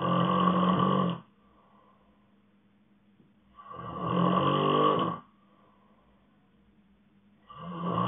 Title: Snoring sleep ASMR